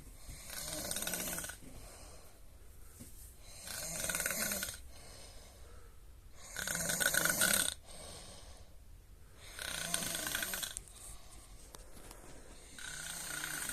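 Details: repeated harsh, rattling breath noises, about four in 13 seconds, rising and falling with each breath; ordinary snoring.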